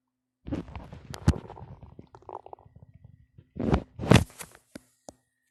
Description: My belly start to growl a lot